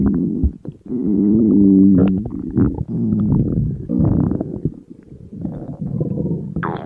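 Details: Person dieting, very hungry with food in front of them: loud, nearly continuous low growling and gurgling with long drawn-out tones from an empty stomach; borborygmi, normal hunger sound.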